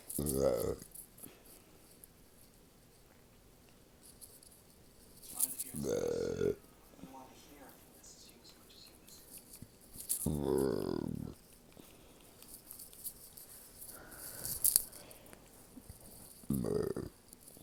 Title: Hiccup Burps